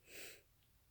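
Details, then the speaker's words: Person allergic to flowers, surrounded by them, with a tickly nose, tries but fails to hold back an allergic sneeze. "I'm surrounded by all my allergies, like things I'm allergic to, and I'm gonna try to hold back. Okay, we'll see how this goes. My nose is so tickly."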